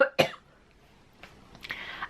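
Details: Two short, sharp dry coughs during a podcast recording, followed by quiet room noise; cough.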